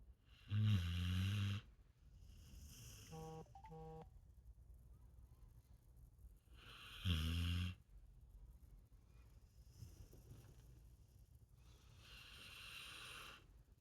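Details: Dog snoring while awake: two loud, low rattling snores about six seconds apart, with quieter breathing between and faint background sounds.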